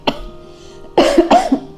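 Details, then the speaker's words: Acted cough in a cough-syrup advertisement: a girl worried about her exam gives a faint cough, then two harsh, voiced coughs in quick succession over steady background music. "भैया मुझे तो खांसी हो रखी है, कल मेरी एग्ज़ाम है, पता नहीं आज मैं कैसे रिवीजन कर पाऊंगी।"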